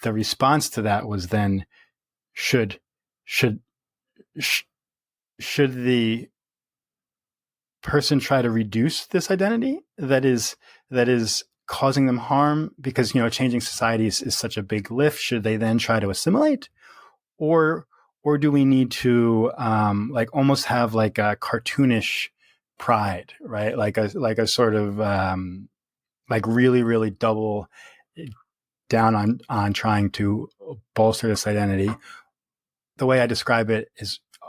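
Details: Real stuttering in an adult man who has stuttered since early childhood, worsening through adolescence; now reports speech as fairly easy after embracing his stutter; repetitions audible.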